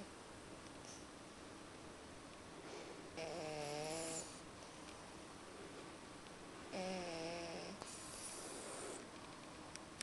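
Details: Sleeping pug puppies snoring: two long, buzzy snores with a wavering tone, each followed by a hissing exhale, at about eight breaths a minute.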